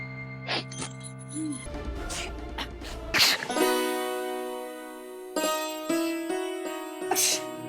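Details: Acted sneezing by a character with a cold in Indian Hindi TV soap scenes: several loud sneezes between background music and dramatic sound effects; sneezing.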